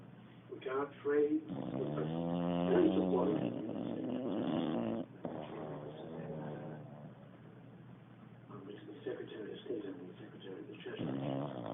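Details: Sleeping English bulldog snoring very loudly: long, rattling, voiced snores with a nasal, buzzing quality, repeating through the clip.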